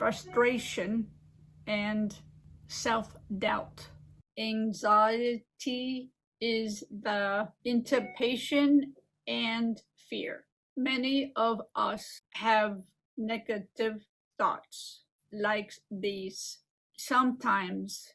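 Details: Adult woman with aphasia and apraxia of speech after a stroke 15 years ago, speaking in a recorded presentation; aphasia with apraxia of speech.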